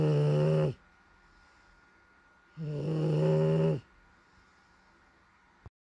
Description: Atom bomb the bull dog snoring away